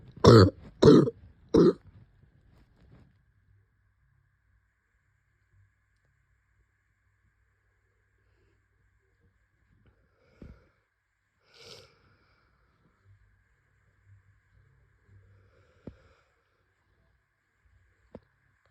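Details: Cough in an adult with COVID-19: three harsh coughs in quick succession, then near silence.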